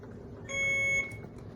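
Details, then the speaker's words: Single high-pitched electronic beep of an IV infusion pump alarm in a quiet hospital room. The patient has stage 4 melanoma, is on day -7 of TIL therapy, and started cyclophosphamide chemo with continuous IV fluids. "Um, the alarm for these pumps, which I think I almost feel like is universal for all of these IV pumps, no matter where you go. Uh, once you hear it, you'll never unhear it."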